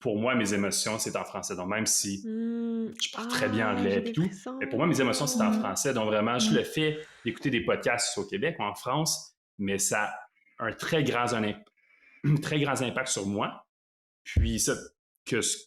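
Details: Adult man who lives with stuttering and calls himself a "chatty stutterer"; stuttering.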